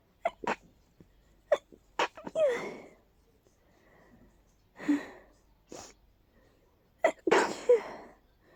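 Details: Person with allergies, stuffy all day, in a powerful sneezing fit: a run of forceful, partly stifled sneezes with quick sharp intakes of breath between them.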